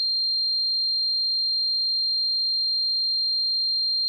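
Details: Sound-effect simulation of tinnitus: a steady, high-pitched pure tone held without change.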